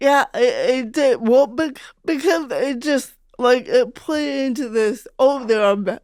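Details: Real speech of an adult woman, a stand-up comedian who grew up with cerebral palsy; dysarthria (cerebral palsy).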